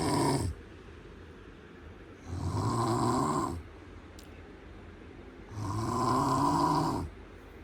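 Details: Loud, rough, rumbling snoring repeating about 19 times per minute with quiet pauses between, recorded in a small bedroom.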